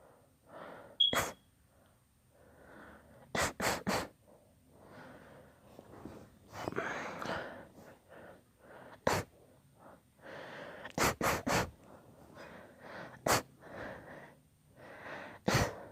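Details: A long, deliberately induced sneezing fit: repeated sharp sneezes, some in quick clusters, with gasping inhalations and breathy sounds between them.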